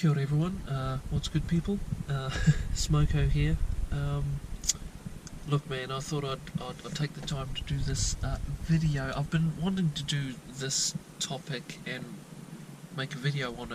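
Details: 22-year-old New Zealand man with untreated stuttering since childhood, first noticed around age 9–10; mainly repetitions and blocks, usually at word beginnings.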